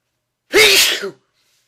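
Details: A single loud, sharp sneeze with a voiced 'choo' ending in a quiet room, one of a repeated series of sneezes in a sneeze attack.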